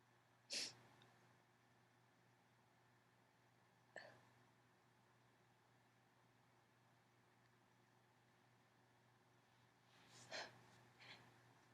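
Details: Female allergy sneezing fit, mostly stifled: several brief, muffled, held-in sneezes spaced across a quiet room, with sniffling.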